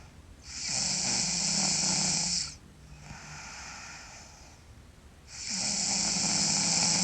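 Loud, harsh snores on each breath in, with quieter breathing out between them. Ordinary snoring.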